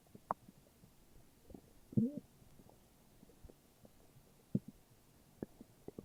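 Soft, scattered low gurgles and rumbles from the belly, with a longer growl midway; ordinary stomach growling.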